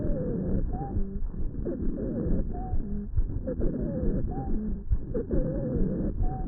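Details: Emergency room patient in severe respiratory distress with intercostal and suprasternal retractions, asthma bronchospasm; stethoscope auscultation: repeated musical wheezes of several pitches with rapid breaths; wheezing.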